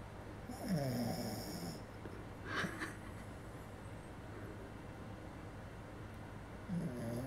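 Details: Small Maltese dog sleeping in a bed, described as snoring very loudly: two short, rough snoring breaths with quiet room noise between them.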